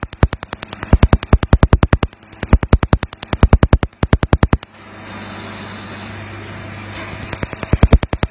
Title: Лазерное Удаление Татуировки. How Do Lasers Remove Tattoo.